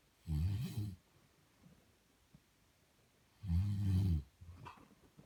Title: My dad snoring